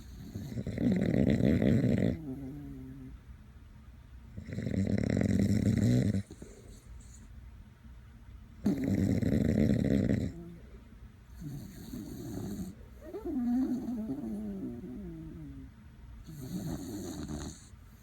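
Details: Snoring: a sleeping dachshund, with its owner also snoring alongside, making rough, rattling snores every few seconds and softer whistling breaths between.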